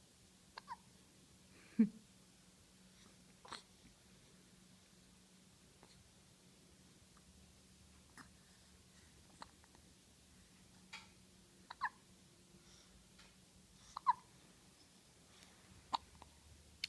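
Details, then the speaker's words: Infant boy having small hiccups, softer than his usual big ones, recurring every few seconds and persisting after being moved; quiet room hum with faint rustling. "you getting hiccups again? Yep, some little hiccups."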